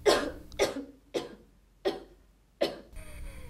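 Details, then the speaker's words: Five short dry coughs at even spacing, acted to illustrate coughing as a common asthma symptom. "symptoms of asthma can be different for each person people can have one or more of these symptoms coughing"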